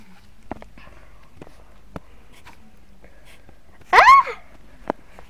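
A single sharp sneeze bursts out against a quiet room with faint clicks and shuffling.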